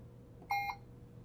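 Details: Puritan Bennett 560 ventilator in volume-based mode: two brief electronic keypad beeps as the sensitivity (trigger) setting is increased by one, against quiet room hum.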